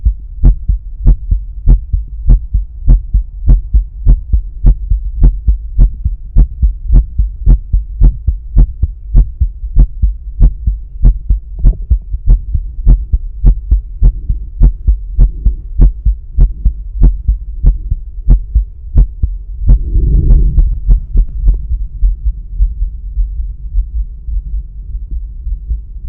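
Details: Heart sounds heard with a stethoscope at the pulmonic area during breath holds, alongside a visible carotid pulse; normal heart sounds.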